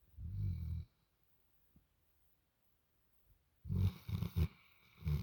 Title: Snoring Dog